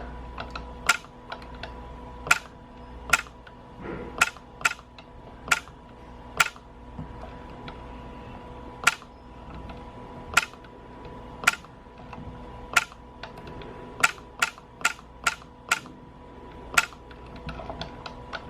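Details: YAG laser vitreolysis treating a patient's vitreous eye floaters, first treatment: sharp, irregular single clicks over a steady electrical hum, about twenty in eighteen seconds.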